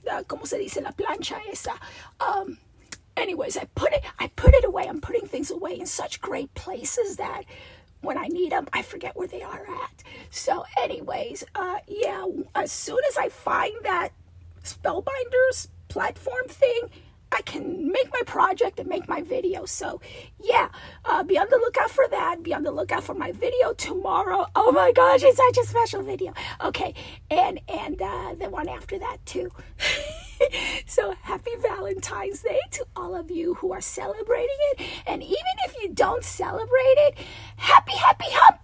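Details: Adult woman with a recurring double-voice episode that she says requires a return to voice therapy when it happens, with a rasp she feels vibrating below her vocal cords; diplophonia (double voice).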